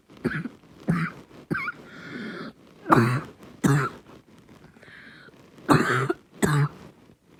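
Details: Barking cough in a child: repeated harsh, hoarse coughs with a low seal-like bark, separated by noisy, slightly strained breaths.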